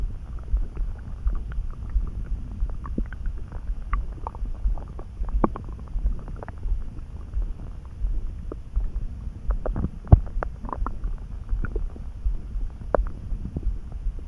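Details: Stomach rumbling (borborygmi) that came on suddenly, neither hungry nor too full, felt in the pit of the gut and easing after a snack: low gurgling and rumbling with scattered small pops and squeaks.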